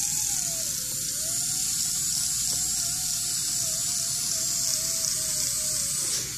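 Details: Coronal polishing demonstration on a patient: continuous high-pitched hum with faint wavering tone from a slow-speed handpiece with prophy angle and paste, suction hiss behind it.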